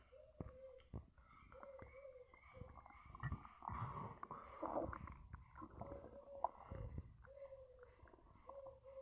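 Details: Quiet gurgles and squeaky, tonal stomach noises with faint thumps in a small room while drinking Coca-Cola, alongside burps; ordinary stomach rumbling, bowel sounds (borborygmi).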